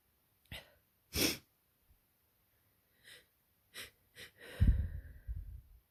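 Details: One loud sharp sneeze, then shorter nasal bursts, sniffs and heavy breathing after hours with the window open in spring; seasonal allergy sneezing fit, recorded in real time.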